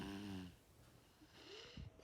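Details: Young child (daughter) snoring at night while asleep: soft, rough rattling breath sounds with faint snorts in a quiet room; snoring.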